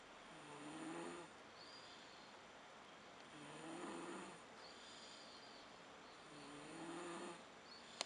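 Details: Sick child snoring in her stroller: three slow, rattling snores about 3 seconds apart, roughly 20 a minute, with a raspy quality on each breath.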